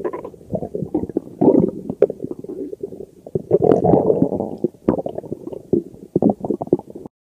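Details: Anne's bloated stomach growling: continuous low gurgling and rumbling bowel sounds with bubbly pops, typical of borborygmi.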